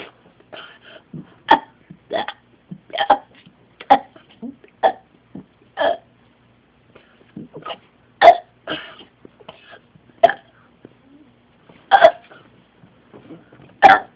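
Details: Seven-year-old boy deliberately burping to beat his record of 30: a rapid series of roughly a dozen short voiced burps in quick succession.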